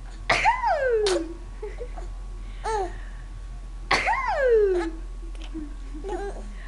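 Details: Mother coughing: short, sharp adult cough bursts, each followed by an infant's high, gliding laughter and squeals.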